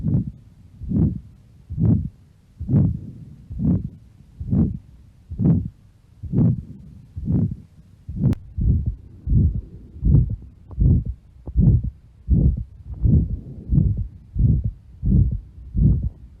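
Regular heartbeats near 75 a minute with a rough, harsh murmur filling the gap after each beat.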